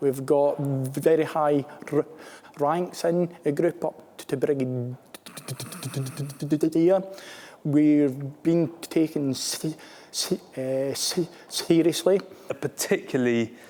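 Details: Stammering in a male British Armed Forces serviceman who stammers.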